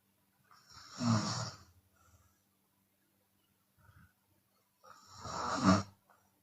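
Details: A Chinese woman snoring with her mouth open and exhaling at times: two loud, rough snores about four seconds apart, with a softer breath between them, during sleep.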